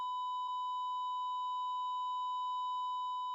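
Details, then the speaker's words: Steady, unbroken high electronic tone, heart monitor flatline alarm of no detected heartbeat, recalled from an emergency department cardiac resuscitation; simulated sound. "It's machines, its sounds, that beeping of the heart monitor or the hearing the flatline"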